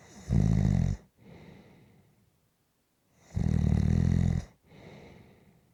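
Loud, low, rattling snores on each in-breath, followed by a softer breathy out-breath, repeating about every three seconds, roughly 20 breaths a minute: snoring.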